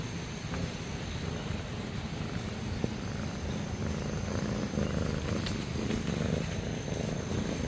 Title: cat snoring